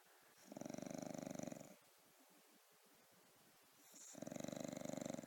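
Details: Fluttering, rattling snores on each breath with quiet pauses from a sleeping dog, who then wakes when asked if hungry; ordinary dog snoring.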